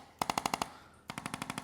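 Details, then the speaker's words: Two quick bursts of rapid mechanical tapping, about a dozen taps, from a handheld Arthrostim percussive adjusting instrument, described as painless, treating a cashier with neck and low-back muscle tension, headaches and weakness from sixth cervical down, under infrared light. "मैं अपना अद्भुत आर्थोस्टिम लेता हूं, यह बस थोड़ा सा टकराव है, इससे बिल्कुल भी दर्द नहीं होता है, चिंता न करें।"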